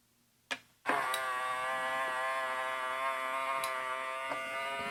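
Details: A click, then a steady mechanical pump hum as the cuff of a CAVN home blood pressure monitor inflates during an automatic reading on a relaxed, silent user.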